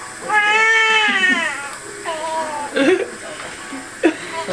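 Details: A newborn baby girl's first cries just after her hospital delivery: a short, high, wavering cry followed by softer fussing, with room noise and faint music in the background.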